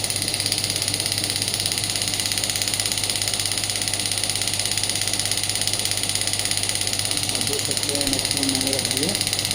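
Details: Biotronix pneumatic radial shockwave (ESWT) therapy device demonstrated by firing: fast, very regular mechanical pulses with hiss, about 167 a minute, brief voices near the end.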